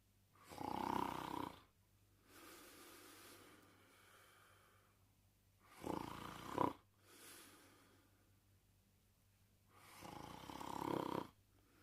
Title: Porkchop Sleeping & Snoring in 1 minute & 14 seconds